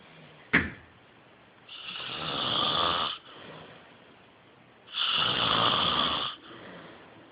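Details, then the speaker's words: Sleeping man's snoring recorded on a phone: two loud, rough, hissing inspiratory snores, each about 1.5 seconds, roughly 20 breaths a minute, with a soft click early on. "You should have heard yourself. I just videotaped your snoring."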